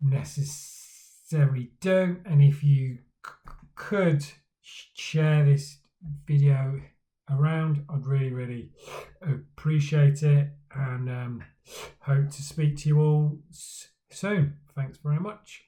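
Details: Adult man who stammers, speaking for Stammering Awareness Day; stuttering.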